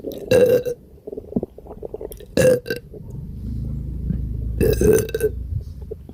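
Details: Person with an extremely gassy, upset stomach (diarrhea noted): three loud, low, croaky burps with softer gurgling and rumbling between them; repeated belching.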